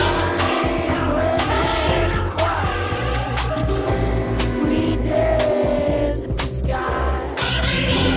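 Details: Cochlear implant simulation for single-sided deafness, from a user two years after processor activation: music with engine and road sounds, one ear natural and the other through the implant.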